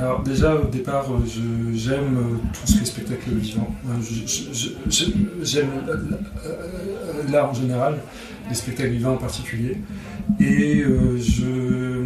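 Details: 46-year-old adult who has stuttered since childhood; stuttering.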